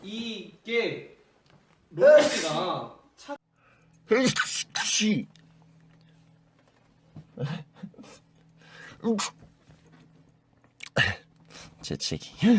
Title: from SF9 sneeze updated sneeze compilation #sf9 #sneeze #kpop